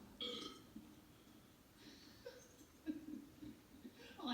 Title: Burping farting